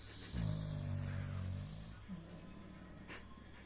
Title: Pitbull dog deep sleep snoring...feeling safe and confortable...